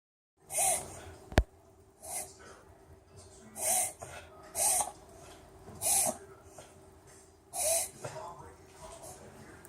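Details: Bichon dog makes a run of about six harsh, snorting inspiratory breaths; reverse sneeze episode.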